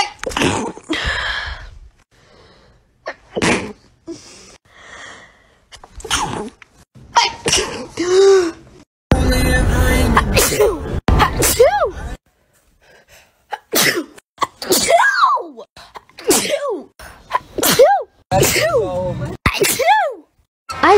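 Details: Sneezes from a sneezing compilation: a series of sharp, explosive sneezes, several with a voiced "achoo" ending, separated by pauses over background music.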